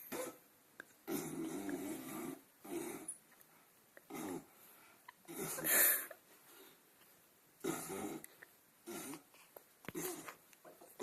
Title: THE OLD MAN SNORING HUMP!!!!!!!!!!!